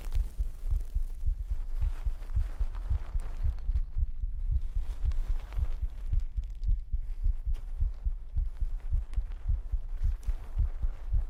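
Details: Pre-recorded heartbeat for an ASMR stream: steady, muffled low thumps at roughly 55 beats a minute over a constant hum, in a regular rhythm.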